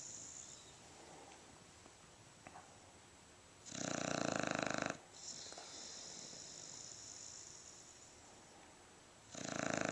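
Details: Loud rattling snores from a sleeping dog on each breath, separated by several seconds of quieter breathing; snoring.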